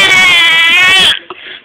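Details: Infant crying hard: a loud, sustained, high-pitched cry that breaks off into a brief catch and quieter whimper.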